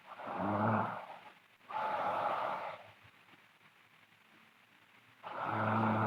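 Loud, rough rattling snores with each breath in, separated by quiet pauses; snoring.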